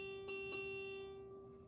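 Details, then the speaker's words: Mechanically ventilated setup during a closed-system in-line suction teaching demonstration: sustained ringing electronic alarm tone with two short soft bursts as the ventilator alarm returns after its two-minute silence period ends. "this ventilator is going to alarm again here in just a second because i i've exceeded the two minutes in which the alarm is"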